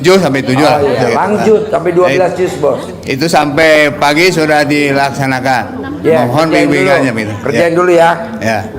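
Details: Adult man speaking; ordinary speech.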